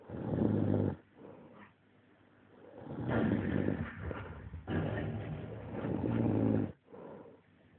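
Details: Dog (Karl) lying flat out on the floor asleep, snoring with loud, rattling, rumbling breaths separated by quieter pauses.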